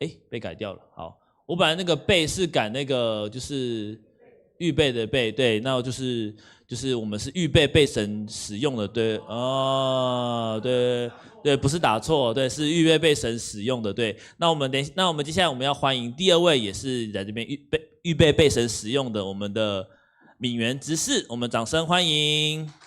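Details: Adult male speaker; normal speech.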